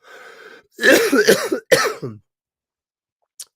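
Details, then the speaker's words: Adult sick for about a week and a half with chest congestion gives a harsh, wet cough in two bursts after a rough breath, audible rattling in the chest. "So something's in my chest, and if it's not my voice, then then my voice is fine, and then I can't, like, you can hear it rattling around in my chest. It's really gross."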